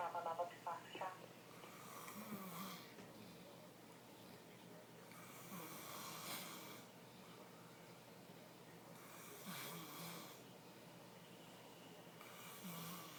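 Soft, airy snoring breaths about every three to four seconds, roughly 16 a minute, with faint room noise.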